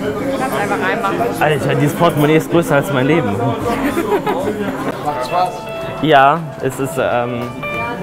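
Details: Young man with Tourette syndrome, real, working as a waiter taking a phone call and seating guests; involuntary vocal tics occur mid-sentence.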